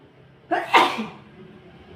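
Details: A single sharp sneeze triggered while dusting, with a short breath in before the burst; ordinary sneeze.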